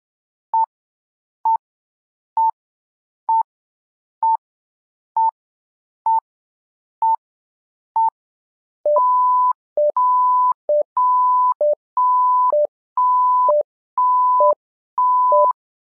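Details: Simulated patient monitor (SimMon simulator): steady monitor beeps about 65 a minute, then a repeating two-tone alarm pattern.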